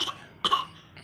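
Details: Young child (little girl) with a persistent cough that won't go away: a short, sharp cough burst following the fading end of an earlier one, quiet room.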